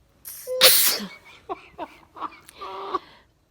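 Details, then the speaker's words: A single sneeze, felt coming on all day, near bedtime while tired: a sharp inhaled gasp builds into one loud explosive sneeze, followed by sniffs and a short voiced sigh. "that sneeze has been going on all day i felt the stairs coming on all day and i was waiting i had my camera ready"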